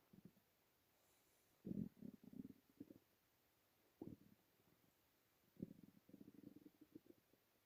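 Low gurgling, bubbling rumbles in several bursts with quiet gaps between: ordinary stomach rumbling from gas and fluid moving through the gut.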